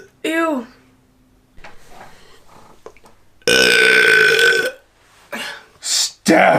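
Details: Several loud, voiced deliberate belches from a girl, one long and tonal, separated by quiet gaps and faint talk; repeated burping.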